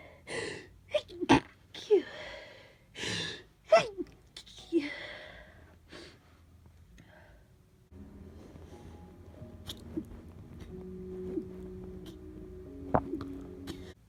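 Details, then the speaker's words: Several sneezes in a row during a mild head cold with stuffy, runny nose, some stifled when around others, some let out when alone, each with a sharp in-breath; quieter room noise later. "I have kind of like half a cold, I'm quite stuffy and my nose runs quite a bit, but I feel fine in myself."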